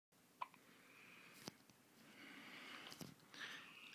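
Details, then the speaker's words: Three brief, sharp hiccups from a swaddled newborn over a few seconds, with faint squeaky breathing noises and a quiet room between: ordinary infant hiccups. "little bean burrito had the hiccups."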